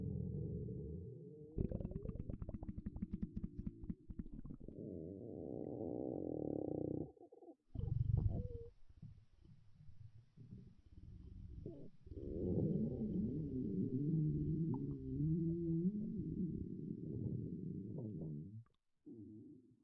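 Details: A girl's stomach growling: long low gurgling and rumbling runs with bubbly rattles and brief pauses, ordinary gut sounds from moving gas and fluid; borborygmi.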